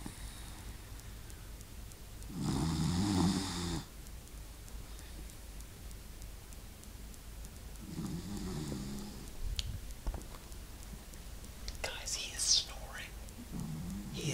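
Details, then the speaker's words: Sleeping dog recorded on an iPod: two long rattling snores about six seconds apart, a softer third starting, over quiet room noise; snoring. "legitly snoring right now I don't want to wake him up"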